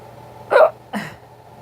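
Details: Hiccups, first of the year, thought to follow drinking soup broth too fast: two short abrupt hiccups, each a sudden catch of breath with a vocal click, over low background hum.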